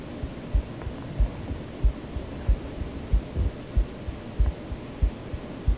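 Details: Person's own recorded heartbeat: steady, regular, about 94 beats a minute, soft paired thumps under white-noise hiss; normal heartbeat.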